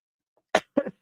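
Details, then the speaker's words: Adult man with a lingering dry cough, speaking with a cough drop in his mouth: two sharp, dry coughs with no rattle or wet sound; dry cough. "Excuse me. I'm sorry, guys. I still have this stupid dry cough."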